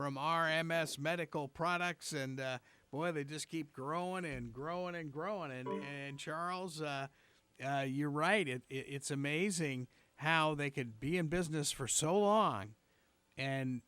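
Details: Adult male speaker; normal voice.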